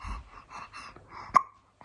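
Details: A child who can't stop hiccuping: several soft voiced catches followed by one sharp, abrupt, gulp-like sound; hiccups.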